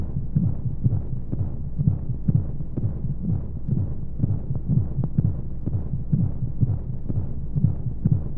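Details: Womb-sound sleep aid for babies: steady low muffled thumps in pairs at about 60 a minute over a soft whooshing hum and white noise; heartbeat as heard inside the womb.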